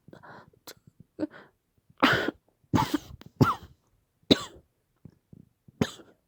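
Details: Acted, simulated coughing fit in a roleplay of a girlfriend collapsing, whom a doctor had told she has mild asthma: a run of harsh, forceful coughs with short gasping breaths between them.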